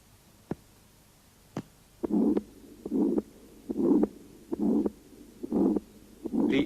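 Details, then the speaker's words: Aortic stenosis: weakened first and second heart sounds with a harsh systolic murmur filling each beat at the aortic area, radiating to the vessels, at about 70 a minute. "стенозе наблюдается ослаблением первого и второго тона и грубый систолический шум на аорте проводящийся на сосуды же возникает в результате сужения устья аорты и затруднений оттока крови из левого желудочка"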